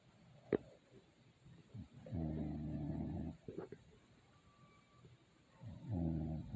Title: My daughtter recording me sleep & snoring😂😂😂